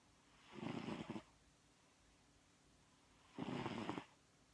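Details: Two soft, rough snores with quiet pauses between them during a midday nap; ordinary snoring.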